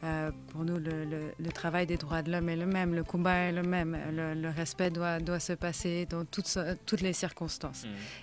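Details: Adult woman speaking French; Normal voice.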